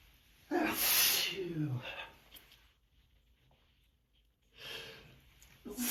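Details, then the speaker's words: Adult with seasonal allergies, tired, having repeated morning sneezing fits into tissues right after waking: a sharp intake, a forceful sneeze, then a second sneeze after a quiet pause. "Yeah, they just don't let up. They just don't let up. As soon as I wake up, they just start up again."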